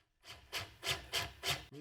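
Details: Corpuls cpr mechanical CPR device during a function test, with the locking lever closed and therapy started: regular rasping mechanical strokes, about four in a second and a half, running normally with no error messages.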